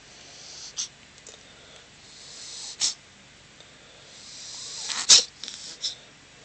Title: Kitten sneeze cough